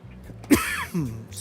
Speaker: I did not mean to cough in everyone's ear like that. I need some some water here.